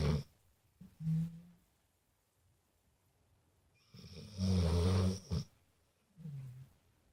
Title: snoring